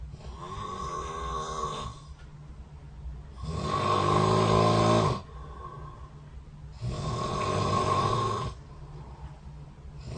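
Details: Habitual snoring recorded overnight by the SnoreLab app next to the bed: loud, rough snores with a steady vibrating buzz on each breath in, three in ten seconds, with quieter breathing between.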